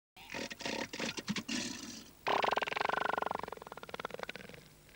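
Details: Elephant seal: a loud, guttural, rapidly pulsing call throbbing for several seconds, a burp-like vocalization; burping.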